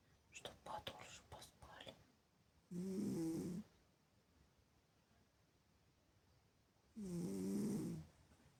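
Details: Sleeping cat, not yet awake in the morning, snoring: two drawn-out rumbling snores a few seconds apart, faint rustling at the start; snores like a human.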